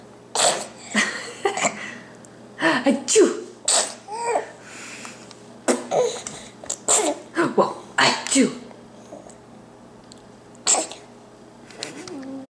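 Sharp, explosive sneezes among laughter and chatter; several abrupt bursts in a row.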